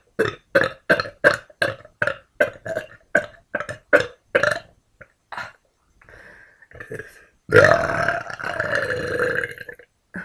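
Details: Woman burping: a rapid run of about a dozen short burps, then one long drawn-out belch; repeated belching.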